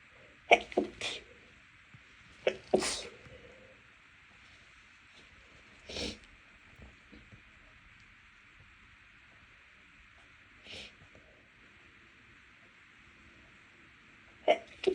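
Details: Fit of about five muffled, stifled sneezes with short snorting bursts and quiet gaps, after room cleaning; nose irritated by dust and cleaning products, no known allergy to either.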